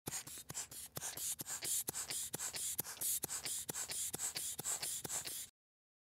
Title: Blood Pressure Pump / Sphygmomanometer Pump, Blood Pressure, Hospital